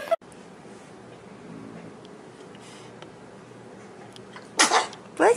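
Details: Infant sneezing while a parent films and says "bless you": quiet room, then two quick, sharp bursts of air near the end.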